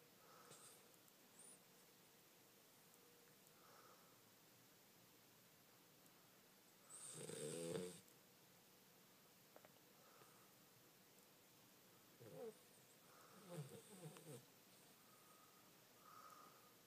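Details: Eleven-week-old Cane Corso puppy sleeping, with quiet, irregular snoring and snuffling breaths and one louder snort.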